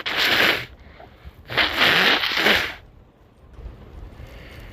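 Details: Two loud, hissing sneezes about a second apart, each with a sharp explosive release, amid snorting and nose blowing.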